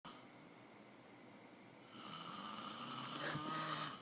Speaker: homeboy is snoring up biggest storm I've ever heard in my life you need to catch a little earful of this